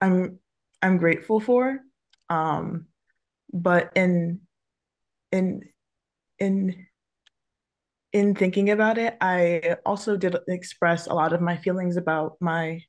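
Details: Adult woman who stutters, speaking on a panel about careers for people who stutter; multiple word repetitions are audible; stuttering.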